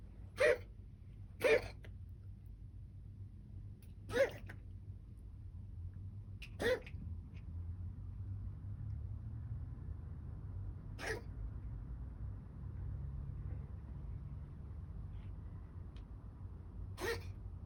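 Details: Dog coughing: six short, sharp, irregularly spaced bursts over a low steady background hum; cough.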